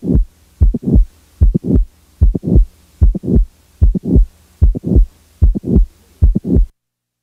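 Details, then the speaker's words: Mitral valve prolapse patient, stethoscope recording: regular heartbeat near 75/min with mid-systolic click followed by late systolic murmur. "now the mid-systolic click is added [Music] now a late systolic murmur is added"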